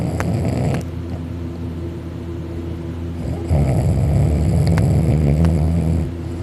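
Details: Male napping on his back on a couch, mouth open, drooling: very loud, rough, vibrating snores, some higher-pitched; snores louder lying on his back; heavy snoring.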